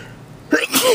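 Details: Brief inhaled lead-in, then a sharp, hissing sneeze burst; a single ordinary sneeze.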